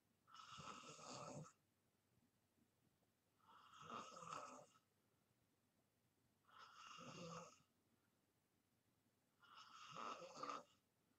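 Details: Person in deep sleep snoring: four rough, buzzing snores about every three seconds, roughly 20 a minute, with quiet breathing between; ordinary snoring.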